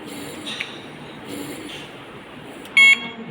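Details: Brief high-pitched electronic beep near the end over faint room noise: a ventilator alarm sounding during basic ventilation training, as the alarm test is run on the machine before connecting and starting ventilation.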